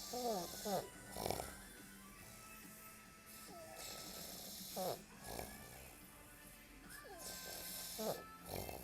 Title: Funny snoring dude!